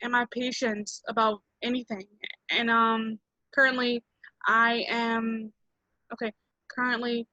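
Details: Stuttering in a 27-year-old who identifies as a person who stutters, speaking at an online stuttering association open mic.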